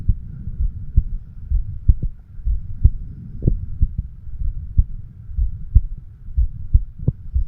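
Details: Self-recorded heartbeat of a 36-year-old male through a homemade microphone stethoscope over the mitral (left ventricle) area: steady low thumping at about 62 a minute over a humming background; normal heart sounds.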